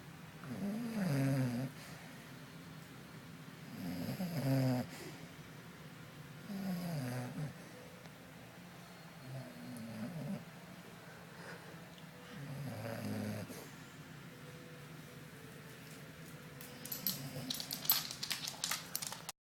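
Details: Woman asleep with rhythmic, low, rattling snores on breathing in, five bursts in about 16 seconds, with some rustling at the end; snoring.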